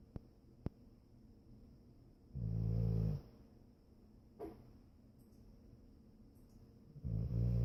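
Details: Foster dog snoring gently during sleep: two low rumbling snores separated by quiet breathing, with a couple of faint clicks in a quiet room.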